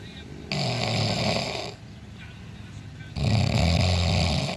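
Loud, low, rattling snores on two breaths with a brief quieter gap between: heavy snoring.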